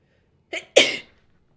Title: Mocha’ｓ sneezing (Sample, 4K Quality)